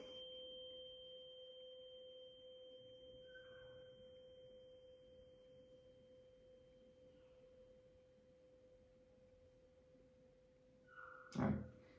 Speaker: So because he can still hear the tuning fork in the front of his ear, that indicates that air conduction is greater than bone conduction, which is a normal finding.